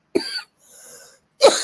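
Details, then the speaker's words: An adult whose voice is going out interrupts speech with coughing, apologizing that every time they are about to say something they start coughing. "Yeah, I'm sorry. Every time I'm about to say something, I start coughing."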